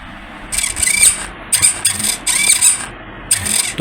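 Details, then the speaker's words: Homemade Arduino mechanical ventilator, servo-driven lever compressing an Ambu (resuscitation) bag at normal speed setting, about once a second (roughly 60 per minute), with whirring motor strokes. "देखिए ये इसकी one number पर normal speed है ये every second इसको press कर रहा है"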